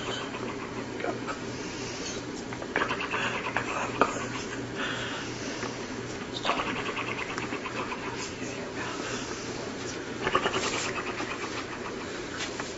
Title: Grandma snoring like an ak47